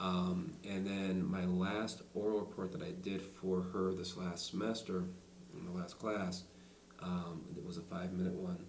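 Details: Adult man who stutters, speaking during a demonstration of the SingRite device; stuttering.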